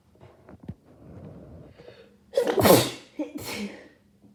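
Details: Person with a cold: a quick inward gasp, then a loud sneeze and a second smaller burst; sneezing.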